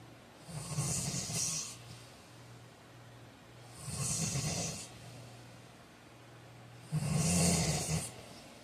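Three loud, rattling snores about 19 per minute, each with a snorting edge, and quiet breathing between them.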